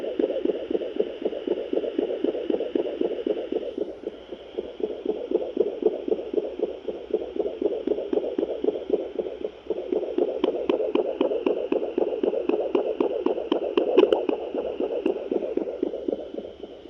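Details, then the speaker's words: Fetal Doppler on a pregnant Great Dane at day 41 of gestation, done at home: rapid, regular whooshing pulses, puppy heartbeats well above the mother's rate, confirming pregnancy. "so those are fetal heartbeats in miss piper on her day 41 gestation hi pipes those were your babies"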